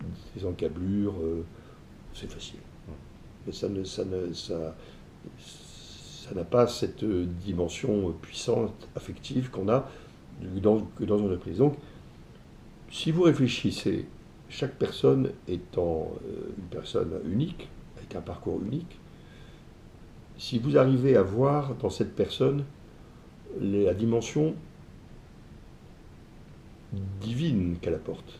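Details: Man who stutters, describing it as what has marked him most in life though it never held him back; ease of speaking varies with the listener's receptiveness; stuttering.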